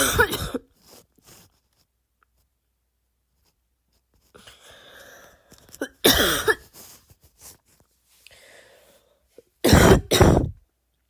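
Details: Imitated barking cough from an adult: about four harsh, abrupt deliberate coughs separated by quiet pauses and soft breaths.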